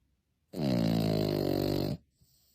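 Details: A snoring puppy whose jowls flap gives a single long, loud, rumbling breath with a steady buzzing pitch; dog snoring.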